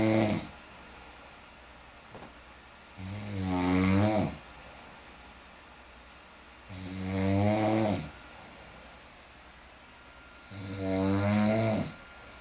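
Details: Loud, regular rattling snores on each breath in, about 16 a minute, with quiet pauses between.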